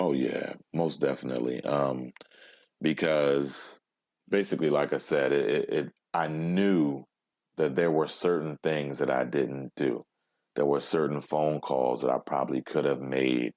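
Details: Adult male with overt stuttering who blocks on everything, then breathes and moves on; stutters even when alone, had about 20 years of speech therapy, and 'p' sounds once came out like a kiss; stuttering.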